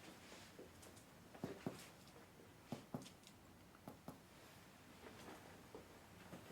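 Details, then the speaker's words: Chest percussion over the lateral chest in a pulmonary exam demonstration: soft paired taps with a hollow resonant note, the normal resonant lung percussion note. "side so that is a percussion uh on the lungs percussion of the lungs creates a different note on the lungs uh the normal note is a result note"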